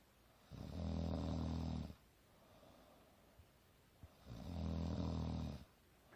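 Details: Adult woman napping on the couch, snoring alternately loud and soft: deep, rattling snores about every four seconds, roughly 15 breaths a minute, with quiet breathing in between.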